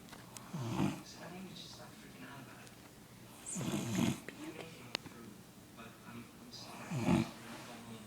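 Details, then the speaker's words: Adult woman (mother, who denies snoring) snoring during sleep: three low, throaty snores roughly three seconds apart, about 19 a minute, in a quiet room. "I'm going to show you in this video, or anyone in our family, that mom does snore. She doesn't think that she does."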